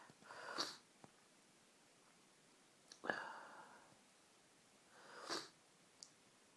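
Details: Adult with a cold in one sneezing fit: three strong, tickly sneezes in a row, each with a short in-breath, in a quiet room.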